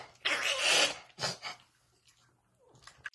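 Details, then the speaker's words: Two harsh, noisy snorting bursts from a dog, a brief reverse-sneezing episode (forceful inhalation of air), then quiet. "today I'm going to talk a little bit about reverse sneezing what is that you might ask well it's exactly what it sounds like"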